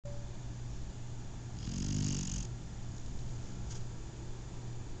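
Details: Snoring from a sleeping Shar-Pei puppy: steady low rumbling breath noise with a louder, raspy snore swelling midway.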